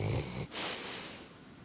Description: Wilma snoring